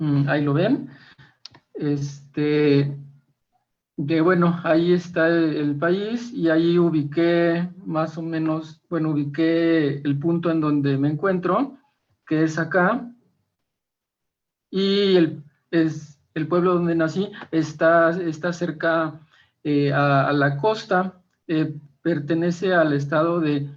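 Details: Stuttering in an Argentine man, first-time participant in a stuttering presentation-practice group, giving a deliberately unprepared talk because he is having problems with his spontaneous speech.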